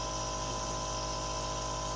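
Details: Compressor nebulizer giving a ferret its first trial albuterol treatment for suspected asthma, shown on X-rays, after no response to 3 weeks of Clavamox: steady, loud mechanical buzzing hum running without a break.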